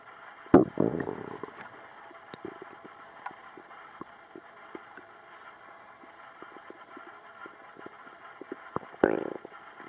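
Gurgling rumbles and scattered soft pops from the belly, with quiet stretches between; ordinary bowel sounds (stomach rumbling).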